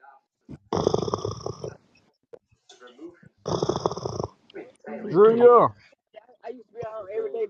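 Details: Two loud, rough, rattling snores from a man asleep on a Clubhouse audio call, with other voices talking in between.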